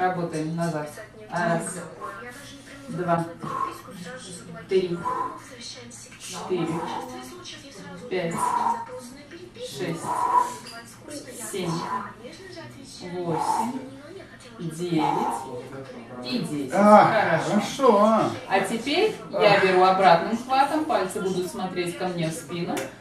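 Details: Adult female speaker; ordinary speech.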